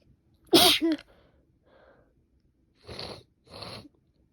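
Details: Woman sneezing repeatedly after waking in the morning, later with a stuffed-up nose: one loud explosive sneeze, then a faint breath and two softer sniff-like bursts.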